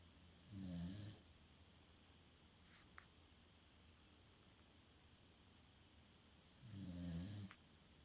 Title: Snoring doggy🐶